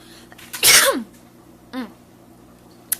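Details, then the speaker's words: Ordinary sneeze during vlog talk after announcing "I've got to sneeze": sharp, explosive sneeze with a falling voiced tail, then a shorter voiced sound. "About that, oh gosh, I've got to sneeze."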